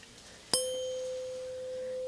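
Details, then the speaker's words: Role-play (simulated) ear exam: tuning fork struck with a small mallet, giving a clear steady tone that slowly fades, for a hearing test. "le baby mallet, and I'm going to pop the side of the tuning fork. Perfect. We're just going to see how well you can hear it."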